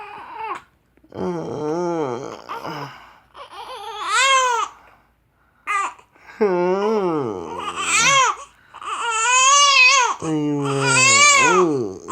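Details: Young girl who has the hiccups: repeated wavering cries and babbling, rising and falling in pitch, in a small room; infant cry.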